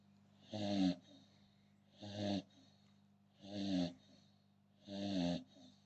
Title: American Bully snoring